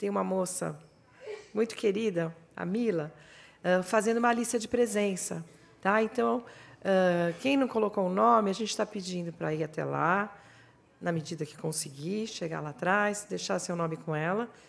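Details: Adult woman speaking; normal speech.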